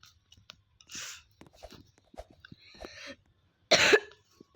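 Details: A few short coughs and throat-clearing sounds, ending in one louder forceful cough, in a quiet room, during a game recording; cough.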